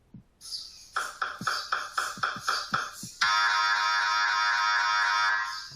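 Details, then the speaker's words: Noise inside an MRI scanner: rapid rhythmic electronic knocking, then a steady loud buzzing tone, sounding like alarms or hammering; completely normal MRI scanner noise. "you can hear these it sounds very much like alarms often or hammering noises and i know that these can be a little disconcerting but they are they are completely normal"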